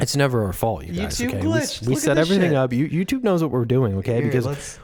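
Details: Adult male speaker; Normal speech.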